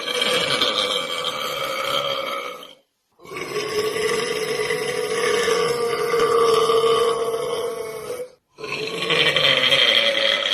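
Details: Three long, loud, drawn-out voiced belches from a male, separated by brief silences; burping.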